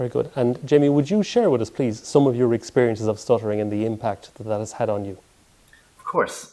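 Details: Adult male interviewer; typical speech.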